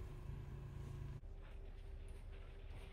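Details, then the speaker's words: Mechanical chest percussor for chest physiotherapy, applied to a patient's lobes to mobilize secretions, avoiding surgical sites and bony areas; low, steady motorized buzzing that cuts off abruptly. "As Roshi is demonstrating the CBT device, the main use of this device is to mobilize secret accretions in the patient."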